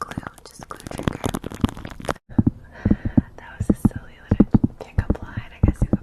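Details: Hungry stomach growling (borborygmi) recorded for ASMR; the person has not eaten all day.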